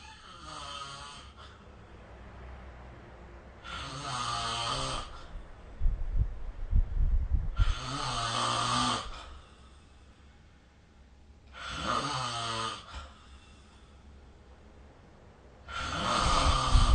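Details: Loud, rough snores on each in-breath, about 4 in 17 seconds, with quiet pauses between, recorded with the SnoreLab app: ordinary adult snoring.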